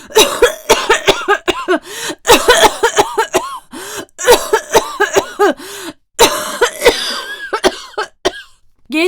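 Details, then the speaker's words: An adult woman, a voice actress, gives acted, repeated harsh voiced coughing in several clusters with brief gasps between, while acting sick with headache and trouble breathing; simulated cough. "[öksürme] [kahkaha] Ne bu öksürük?"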